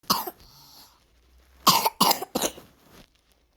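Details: Person with a cold and fever: four harsh coughs, one, a pause, then a quick run of three.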